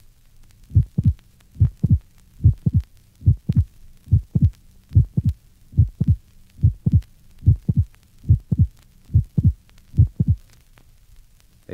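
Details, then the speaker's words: Late systolic click in a healthy subject, best heard at the apex: a high-frequency, clicky extra sound in late systole of obscure cause; regular heartbeat near 75 a minute, a harmless variant. "the cause of the late systolic sound which is generally best heard at the Apex is obscure and is sometimes present in normal subjects listen to the late systolic sound in a healthy subject see figures 43 and 44."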